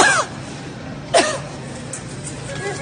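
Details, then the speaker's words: A woman without a mask coughing at someone in public, who says she is not sick. "she's coughing at me"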